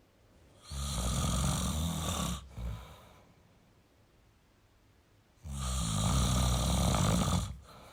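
Two long, loud, rough inhaled snores separated by a quiet exhale pause: an adult man snoring.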